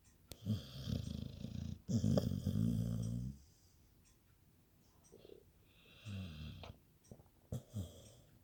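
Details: Sleeping dog snoring: soft, fluttering, rumbling snores, uneven in strength, with faint snuffles between breaths.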